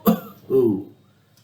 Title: SOULISTIC series # 2: Coughs